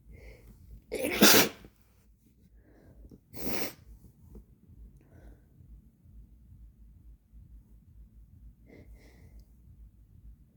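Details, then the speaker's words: Agender person in a sneezing fit; they report a blocked nose with bloody scabs. Two loud sneezes a couple of seconds apart, then quiet sniffing and breathing; repeated sneezing. "I've been having to blow my nose up a lot lately because I can't breathe properly because there are bloody scabs for some reason."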